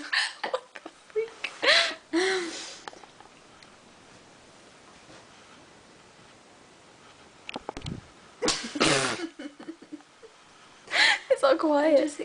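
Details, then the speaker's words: Hiccups while laughing: repeated sharp, abrupt vocal catches at irregular intervals with laughter between; a bout of hiccups. "No, I just hiccuped while I was laughing. Oh. A small hiccup."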